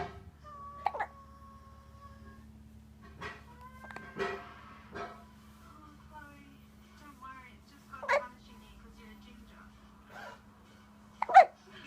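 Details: Repeated brief, abrupt catching sounds at irregular intervals over steady room hum from a 2-month-old baby boy; hiccups.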